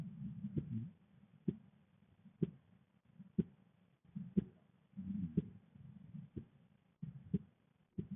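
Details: Steady heartbeat of sharp single thumps at about 60 beats a minute, with a soft low rumble between some beats, recorded with a visible neck pulse in a female: heartbeat.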